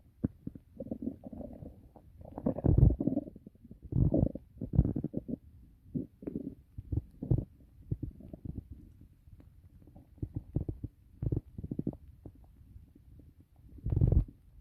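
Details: Loud low gurgling and rumbling bursts over about 15 seconds: stomach growling (borborygmi) from gas and fluid moving through the gut.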